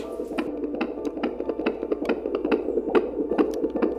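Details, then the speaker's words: Rapid regular whooshing fetal heartbeat about 140 a minute, a normal rate, on a portable tablet-based ultrasound scanner during a prenatal scan. "y ahora vamos a escuchar el corazón del"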